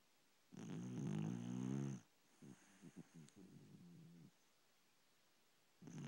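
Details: Pet dog snoring while asleep: a long, rumbling snore followed by shorter fluttering snorts in a quiet room; snoring.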